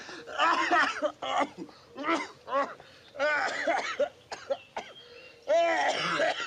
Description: A supercut of 2850 coughs and sneezes from Every Movie Cough, the world's most complete collection of cinematic coughs and sneezes.